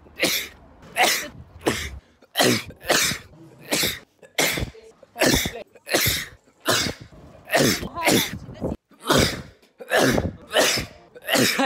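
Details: Adult man's compilation of recorded sneezes: about sixteen sharp, explosive sneezes in quick succession, each a forceful burst of air.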